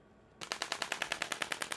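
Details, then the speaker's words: Radial shockwave therapy with a D15 tip at 3 bar, aimed at anti-fibrotic effect and numbing, on a patient's hand with Dupuytren's contracture (pinky worst); rapid, even sharp clicking pops about ten per second from the radial shockwave device firing. "I'm going to do it at three bar. I've been able to work up to three bar which is pretty high."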